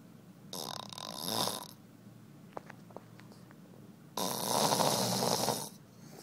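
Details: Adult male asleep after a long night out gives two loud, harsh, rattling snores a few seconds apart, with quiet breaths between; snoring.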